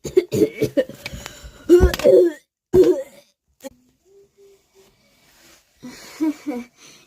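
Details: Cough in a comedic doctor-visit skit, where the patient says they are still coughing but the doctor then finds no cough and accuses them of lying.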